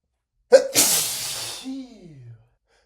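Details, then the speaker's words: A sharp gasp, then a long hissing sneeze ending in a falling groan: an acted, exaggerated cartoonish sneeze from a man in a prolonged sneezing fit. "Uh, here comes another another he- another sneeze. It is going to be It's going"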